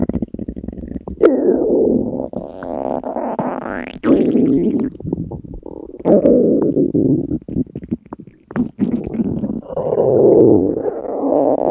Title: Alluring Stomach Growl 💖